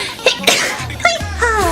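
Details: Sneezing fit of five sneezes in a row, which happens on about every other stream: two sharp sneeze bursts with brief voiced sounds after, over faint background music; repeated sneezing.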